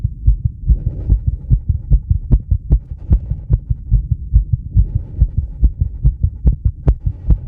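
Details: Adult with sinus tachycardia, about 130-140 bpm, induced by rebreathing the same air for about 2 minutes (mild CO2 intoxication), recorded by microphone on chest with EKG: fast, steady low booming heartbeats over faint hum.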